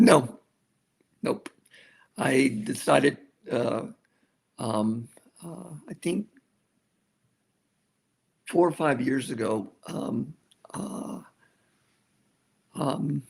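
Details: Aphasia in an adult male survivor of a severe stroke, more than a decade into stroke rehabilitation.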